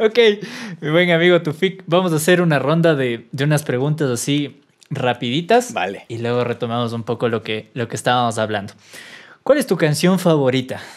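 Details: Adult man speaking Spanish; normal speech.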